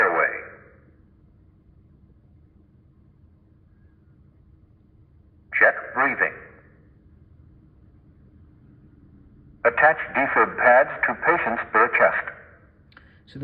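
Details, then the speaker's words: Synthetic voice prompts from a ZOLL AED Plus defibrillator in adult-pads mode, in a training demonstration, guiding an untrained rescuer through the first steps before pads are attached; quiet room; AED voice prompts. "will go no further until we place the pads onto the bare chest of the casualty and from there it will then jump to analyzing rhythm"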